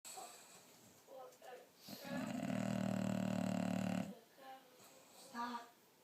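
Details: Bulldog snoring and farting the day after a blizzard: a long, loud, rattling snore flanked by softer snorting breaths; snoring.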